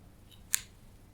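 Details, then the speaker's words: Single sharp click from the left knee as it straightens from a deep full squat, a clicking present for a couple of months. "as you will see in this video the my left knee clicks when it is flexed and comes out of flexion so when I straighten my knee from a certain point"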